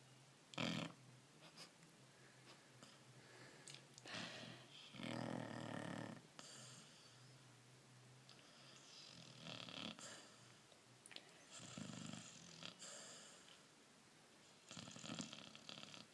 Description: 4mo old lab mix is snoring in mamas lap.